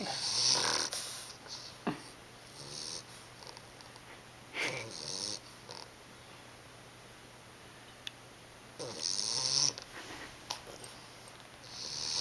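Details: 11-week-old English Bulldog pup asleep with eyes open, with loud, wet, snorting snores about fifteen a minute and hissy airflow between them; snoring.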